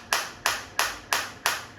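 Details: Focused shockwave therapy device for chronic pain rehabilitation, started at frequency 180 while intensity is stepped up from 8 toward 10, with the machine lowering frequency automatically; sharp, regular snapping clicks about three per second, each fading quickly, demonstrated on the operator's own uninjured body.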